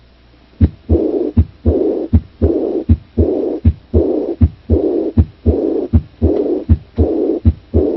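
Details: Aortic regurgitation (early diastolic decrescendo murmur).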